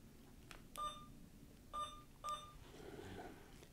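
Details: Alaris infusion pump being programmed for primary IV normal saline at 100 mL/h, volume to be infused 900 mL: three short, clear electronic keypad beeps over a quiet room; normal operating feedback.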